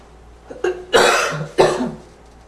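Two harsh, barking coughs with a faint whistling tone between them, a barking cough with slight wheeze.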